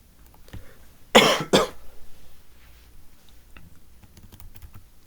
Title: Solving A Sudoku With Terrible Coughing